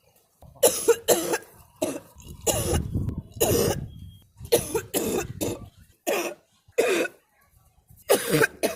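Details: An adult woman gives about eight short, harsh coughs in quick bursts with throat clearing and brief pauses, after sutra neti nasal cleansing with a rubber tube passed through the nose; she also sneezes and blows her nose.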